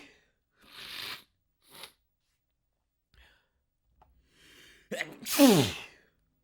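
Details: Gasping in-breaths build up to one explosive, full-force sneeze with a falling voiced tail, from a person letting out huge sneezes.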